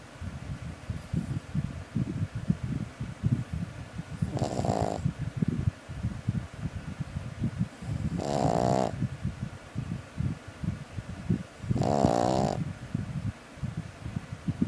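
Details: Puppy snoring: three buzzing snores about every four seconds over steady crackling background noise; snoring.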